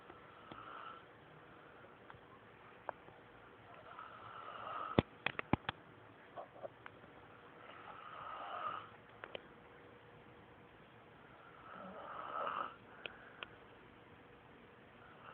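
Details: Three slow, rising snoring breaths about four seconds apart, roughly 15 a minute, with scattered clicks and room noise, from a sleeping man after a rough day; snoring.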